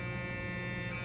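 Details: GE 1.5 Tesla MRI scanner during a lumbar spine scan (localizer), live demo: steady loud electric buzz with a fixed tone.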